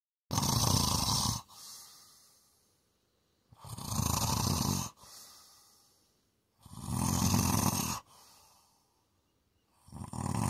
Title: ASMR snoring